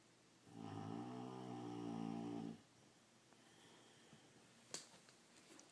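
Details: Female Boxer dog snoring loudly, said to be loud enough to drown out the TV: one long, loud, buzzing snore lasting about two seconds, then quiet breathing and faint room noise.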